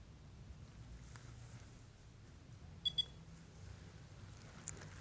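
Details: Two short high-pitched beeps over quiet room hum from an Ares carboxytherapy device, signalling that a point's gas insufflation via needle and foot pedal is finished.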